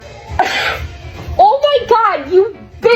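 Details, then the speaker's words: A single sharp, noisy sneeze-like burst during a sneezing prank, spraying spit onto another person's face and head, followed by startled voices. "Did you just spit all over my head? >> I'm sorry. [Music] You spit all over my face."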